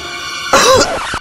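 Background music, then one short harsh acted cough burst from an adult, followed by quieter music; a single cough.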